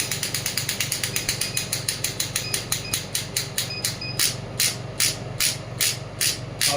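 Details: Rapid sharp clicks, about 150 a minute, from a pneumatic radial shockwave therapy device (5–12 bar range) firing at about 4.5 bar against a hand, slowing partway as the frequency is turned down.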